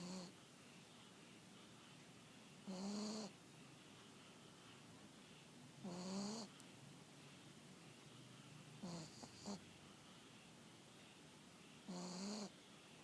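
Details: Dog that barked until exhausted while the owner was out, then fell asleep on the owner's return: regular, short, whistling-buzzy snores with quiet gaps, about four snores, in a quiet room; snoring.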